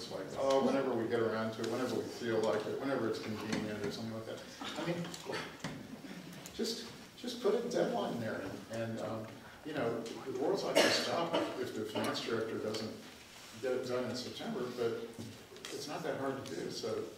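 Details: Adult man speaking; normal voice.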